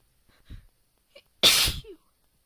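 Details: Deliberately induced sneeze: a few soft indrawn breaths, then one sharp explosive sneeze with a brief vocal tail.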